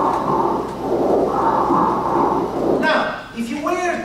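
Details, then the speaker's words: Teaching recording through a stethoscope on the chest as the person whispers: muffled whispered sounds transmitted clearly, then a brief voiced sound; whispered pectoriloquy, suggesting lung consolidation. "and now the voice this person is saying whisper it and you can actually hear"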